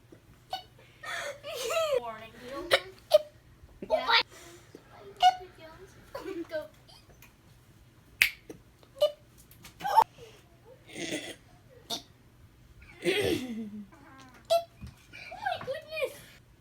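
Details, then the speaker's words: Woman with repeated hiccups: about ten sharp, abrupt hiccups over roughly 16 seconds, amid voices and laughter in a small room. "Oh my goodness. It's the hiccups. It's a hiccup."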